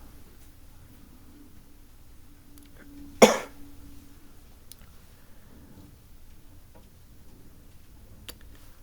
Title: Solving A Sudoku With Terrible Coughing